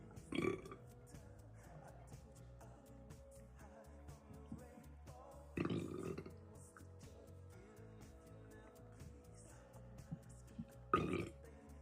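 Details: Three loud, low belches spaced several seconds apart over quiet background music, tagged as gassy. Repeated burping.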